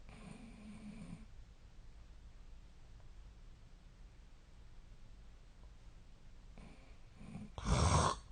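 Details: Real home snoring recording of a Japanese sleeper, made 8 years earlier when thinner; sleeper suspects a long-standing sleep disorder. Quiet room, a brief snore, then a loud, harsh snoring burst.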